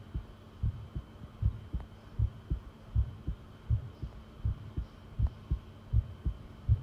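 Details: Heartbeat from a long recording made while listening to the pounding heart: regular low thumping beats at about 80 per minute over a faint steady hum.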